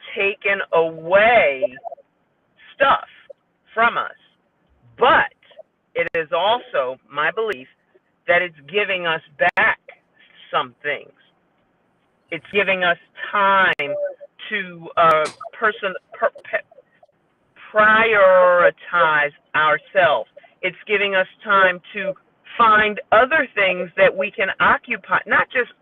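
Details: Woman with aphasia after a stroke, a member of an aphasia support group; word errors are heard; aphasia.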